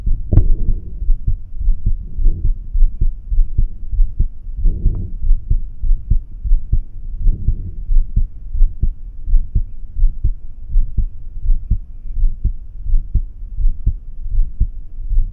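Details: Normal heart sounds heard at the aortic area: regular, low heartbeats at about 80 a minute.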